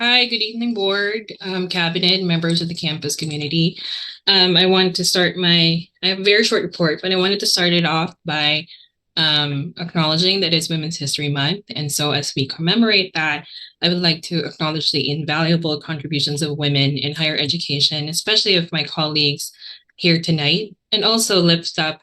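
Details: Adult woman speaking; normal voice.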